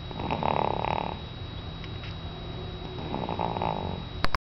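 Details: A sleeping infant boy snoring gently: soft, noisy breathing with rough low vibrations on two breaths, about four seconds apart.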